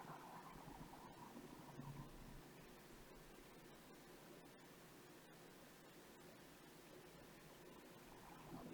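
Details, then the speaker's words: Ear microsuction of a woman's fully impacted left ear canal: steady hissing suction with scattered clicks and crackles. Soft, mushy wax is stuck to the eardrum and the tip cannot get an adequate suction grip. "the eardrum however this plug it doesn't want to come out still because beyond that the wax is softer and it is stuck to the to the eardrum so just don't give it one more guy see if it comes out in one big mass"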